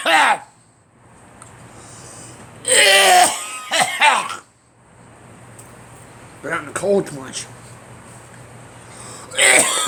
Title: Me coughing